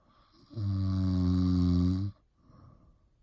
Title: Snoring 1